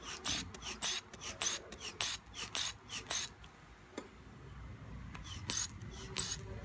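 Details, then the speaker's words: Manual hand-bulb pumping of an AND blood pressure monitor cuff up to 200: rapid squeaky hissing puffs, about 105 a minute, then a pause and two more; reading 116/81, pulse 67. "Manual pump. Open. Pag arrow up na, umpisahan mo siyang i-pump. Pump."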